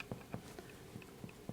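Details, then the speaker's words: Chest percussion with one or two fingers over the posterior chest: resonant note over air-filled lungs changing to dull over abdominal contents, used to determine diaphragmatic excursion. "Lungs are filled with air so it's resonant where you get to either the abdominal, posterior abdominal content it's going to sound dull."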